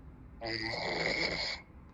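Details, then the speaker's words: A man snoring loudly while asleep as others try to wake him, jokingly said to be "talking in his snores": one loud, rough, rattling snore on an in-breath lasting over a second in a quiet room. "يحكي بالشخير."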